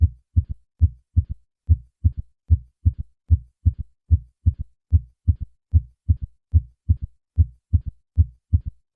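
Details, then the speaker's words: Simulated heart sounds about 74 a minute: a soft extra low thud after the second sound giving a galloping, Kentucky-like rhythm; third heart sound (S3 gallop). "the third heart sound is normally faint and is heard best at the cardiac apex with the patient in the left lateral position"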